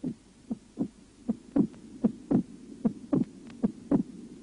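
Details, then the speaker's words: Mitral stenosis heard over the pulmonary artery area: a regular heartbeat with an accentuated, split second heart sound, heard as two close taps. "на легочной артерии при митральном стенозе выслушивается акцент и расщепление 2 тона"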